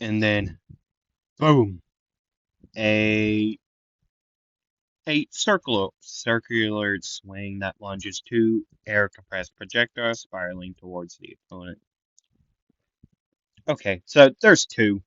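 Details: Stuttering in a male narrator who says he stutters a lot, repeats things and sometimes goes quiet; he also reports being congested.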